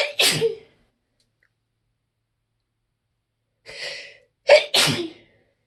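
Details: Part of a loud, big sneezing fit: three sharp explosive sneezes, one, a pause of about three seconds, then two close together, each preceded by a brief intake; sneezing.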